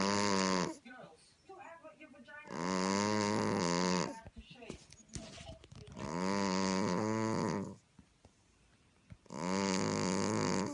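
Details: Pet cat snoring: loud, drawn-out rattling snores in a slow cycle, about 18 a minute, remarkably human-like; ordinary cat snoring.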